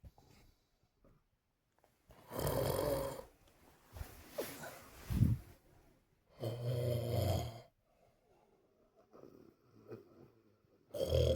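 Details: A bedmate at a sleepover gives loud, rough snores with snorts in between at irregular intervals in a quiet room; heavy snoring.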